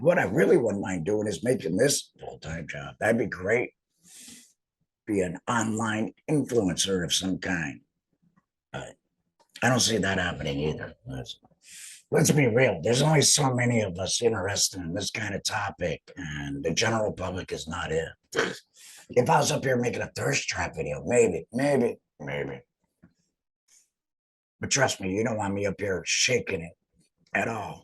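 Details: Real adult laryngectomee speaking after total laryngectomy, now back at work. The finding is alaryngeal speech after total laryngectomy.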